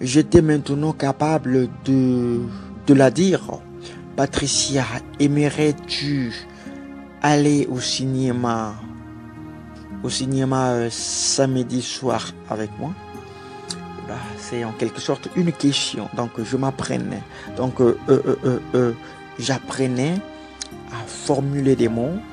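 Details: Adult French-speaking man who has stuttered since childhood, had several months of therapy as an adult, and still stutters occasionally; stuttering.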